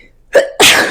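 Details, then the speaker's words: An adult sneezes once, then says "Excuse me." "Woo! Excuse me. Look at that. You guys ever hear that saying? A lot of Jamaicans say a sneeze is a true word."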